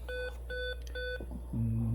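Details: Three evenly spaced electronic bedside monitor alarm tones in a patient with SVT and hypoxia, oxygen saturation falling to about 60–70% despite high-flow oxygen while blood pressure is maintained; a patient monitor alarm.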